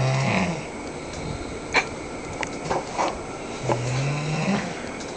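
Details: A sleeping man snoring very loudly: two low, droning snores, at the start and near the end, over steady room noise and occasional knocks; loud snoring during sleep.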